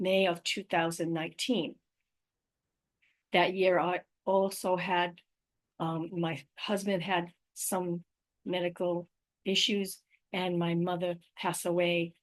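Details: Adult woman with aphasia, apraxia of speech and dysarthria after a stroke in May 2019. Finding: post-stroke aphasia with apraxia of speech and dysarthria.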